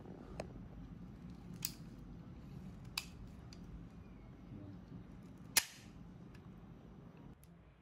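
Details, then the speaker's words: Automatic disposable 16-gauge core (Tru-cut) biopsy gun being shown before biopsy of a palpable lump: both slides locked back to cock it, then fired by button; several sharp mechanical clicks and one loud snap. "the gun is energized and ready to fire there are two firing buttons one on the side and one at the bottom we can push either of them to fire"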